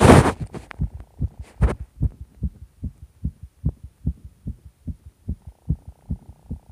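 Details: Strong, regular low thumps of a heartbeat at about 150 a minute, with a steady hum behind; a fast, pounding heartbeat.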